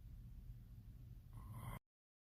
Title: Sleeping but SOME ONE IS SNORING SO LOUD #snoring #sound #stopsnoring